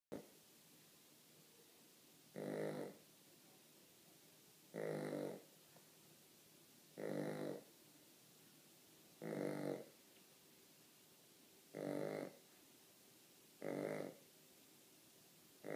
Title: Snoring Puppy